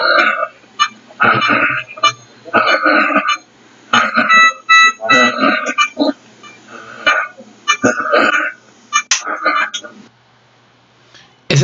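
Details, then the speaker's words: Short voiced grunts with each breath, about eight in ten seconds, at the end of inspiration and start of expiration: expiratory grunting in respiratory distress. "sonido que ustedes acabaron de escuchar en un nombre recién nombre se llama quejido respiratorio el quejido respiratorio es un sonido que se produce al final de la inspiración e inicio de la expiración"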